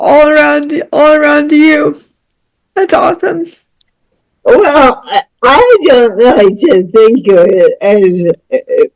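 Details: Speech of a woman about to turn 49 with lifelong cerebral palsy involving spasticity, born with the umbilical cord around her neck five times; doctors said she would never walk or talk.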